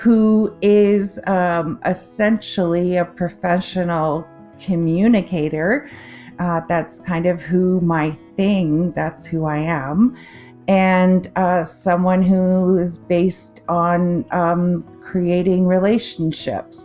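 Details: Adult woman with a 2023 stroke affecting the left-brain language centre, with word-finding difficulty, confusion with words, trouble forming sentences and non-fluent speech; aphasia after stroke.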